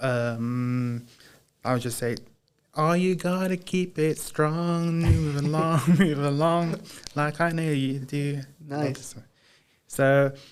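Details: Adult man with Broca's aphasia since a 2010 haemorrhagic stroke from a high tackle in high school rugby, gradually improving over about 15 years; recalls words but struggles to say them; hesitations and fillers; Broca's (non-fluent) aphasia.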